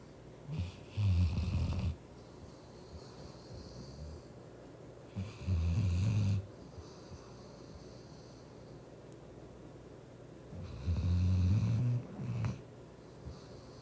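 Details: Female German shepherd dog snoring while sleeping: deep, rumbling snores roughly every five seconds with softer breathing between them.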